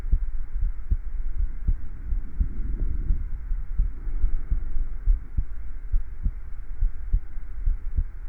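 Regular, steady low thumps of an adult heartbeat at roughly 75 a minute over a soft hum: normal heart sounds.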